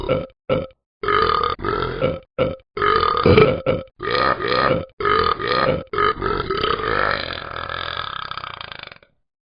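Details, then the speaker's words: Animated app game character, Talking Ben the dog, burping after being given bacon: a run of about a dozen loud, deep burps ending in one long drawn-out belch; burping. "give me my food mom is that bacon oh no here comes the burps"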